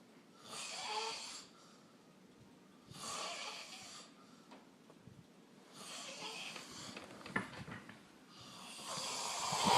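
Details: A man snoring loudly: four harsh, hissing, rattly snores about every three seconds, roughly twenty breaths a minute.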